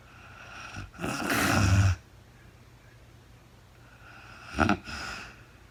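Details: Real-time sleep recording of a woman snoring, no talking: a rough rattling snore followed by a shorter snorting breath in a quiet room; snoring during sleep.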